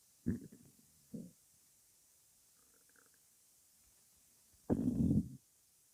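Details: Woman's stomach growling (borborygmi) before breakfast, hungry: short gurgles, then a louder drawn-out rumbling growl.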